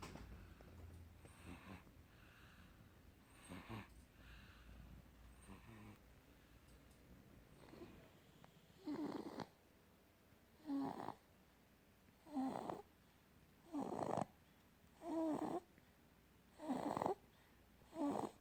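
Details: Infant snoring, from a compilation of a baby aged 2 to 7 months while asleep: short, regular rasping snores at about 40 breaths a minute; the baby is said to snore louder at other times.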